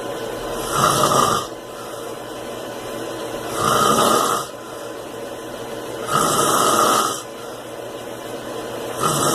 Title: Fat Man Snoring